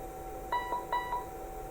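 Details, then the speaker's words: Two short two-note electronic tones over fan hum: the start-up alarm and display self-test of a 2007 Colin BX-10 SpO2 and blood pressure patient monitor, a normal self-check. "that alarm test display test and there we go"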